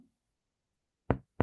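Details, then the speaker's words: Percussion down the midclavicular line over the lung–liver border: the dull note there turns resonant when the patient breathes in deeply and holds. Two sharp taps, the first with a short, hollow ring. This is a resonant percussion note on deep inspiration. "que pasa a ser sonoro nuevamente seguimos percutiendo y encontramos la matidez hepática"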